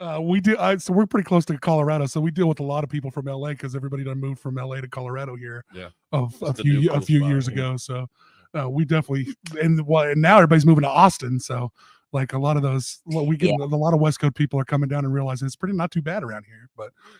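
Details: Adult male speaker; normal conversational speech.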